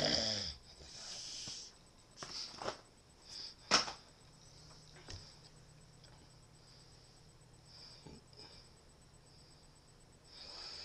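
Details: Loud snoring in a quiet room: irregular hissing, snorting breath noises, several close together, then a long pause; snorer has a cigarette in mouth.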